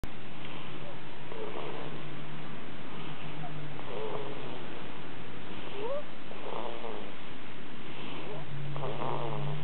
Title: Snoring Baby